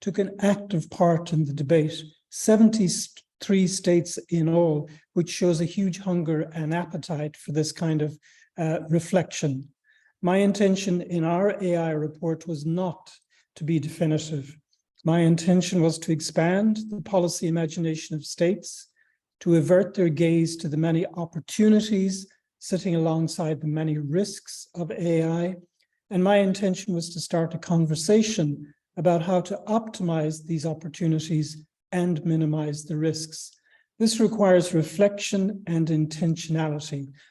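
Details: Adult speaker; normal speech.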